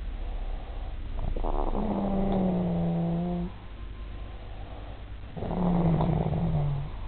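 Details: A man filmed asleep, unaware he snores: two long, low, buzzing, droning snores about four seconds apart with a quieter exhale between; snoring.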